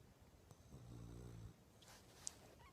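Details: Sleeping female dog snoring: a single low, rumbling snore in a quiet room.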